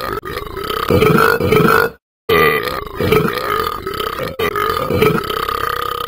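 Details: Animated character Talking Ben after drinking and eating: long, loud, rumbling belches in a run; exaggerated burping.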